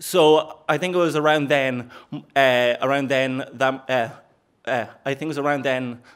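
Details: Stuttering (stammer) in an adult man since age four, which he describes as repeating the first sound of words; phrase repetitions.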